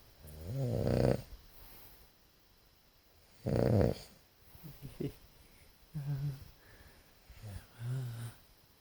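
Low rattling snores recurring irregularly, about 22 a minute, some loud and some faint, in a quiet room: snoring during sleep.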